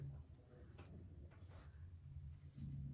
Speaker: That little right there. My stomach is growling. You hear it?